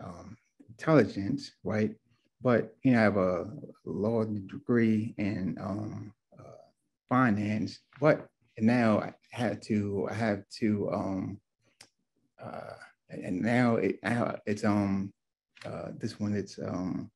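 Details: Adult man, two years after a left-brain stroke with multiple clots; real stroke survivor; aphasia with word-finding difficulty.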